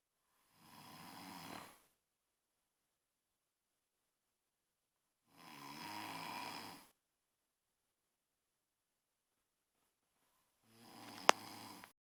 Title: Den snoring